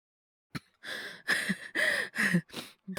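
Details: Simulated cough acted by a male voice actor playing a young man with fever and cold: a sharp intake of breath, then about five voiced, harsh cough-like bursts.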